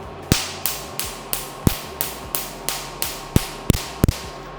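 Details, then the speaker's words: Pico-second Q-switched laser with a 532 nm tip dummy-fired in a dark area before use on a patient. The short, aggressive wavelength gives loud, sharp snapping cracks at about three per second over a low hum. "532 being quite superficial but short wavelength है तो aggressive है तो आपको वो loudness सुनाई दे"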